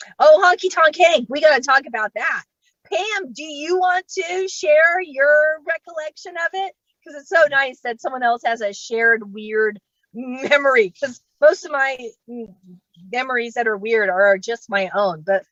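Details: Adult woman who states she has genuine, unfaked stuttering, speaking during a comedy set at StutterFest 2022; stuttering.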